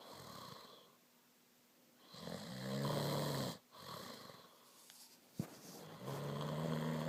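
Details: Person named in caption asleep: loud, low rattling inspiratory noises with quiet pauses between breaths and a brief snort; ordinary snoring.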